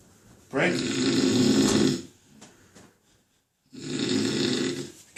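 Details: Adult man snoring in bed: two loud, rough, rattling snores on inhalation, each over a second long, with a quiet pause between; heavy snoring.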